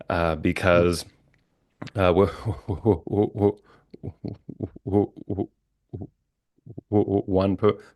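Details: Adult man, a licensed speech-language pathologist who stutters, with repetitions and blocks; stuttering.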